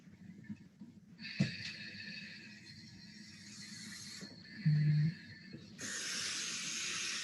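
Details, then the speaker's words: SaberFlow CPAP flow generator: a steady rushing hiss rises as flow is opened to just under 40 L/min, with handling noise. The O2 enrichment knob is fully closed, giving a baseline FiO2 of about 30–32%. "so the measured flow there is sitting at around about just under 40 liters per minute my oxygen enriched mixture is still closed completely"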